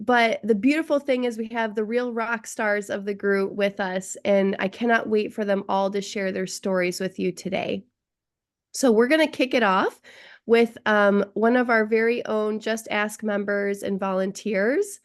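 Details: Adult woman speaking; normal speech.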